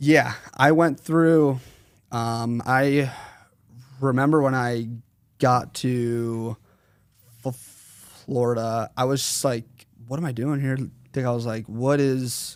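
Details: 21-year-old male with stuttering since 4th grade, severe during school years, treated by a speech therapist around ages 8 to 10, still worse when consciously processing what he says.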